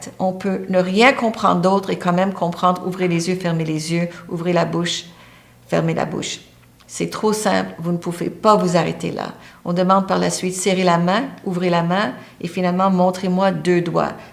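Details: Adult speaker, French; normal speech.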